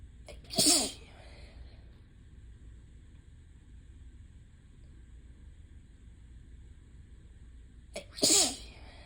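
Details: Two forceful, wet-sounding allergy sneezes several seconds apart, each after a brief intake, from a person with ragweed allergy who is losing their voice.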